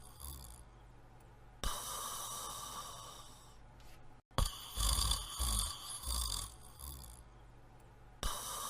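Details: Person asleep in bed snoring: loud, irregular snoring breaths with rough, rattling inhalations and snorts against a noisy room background.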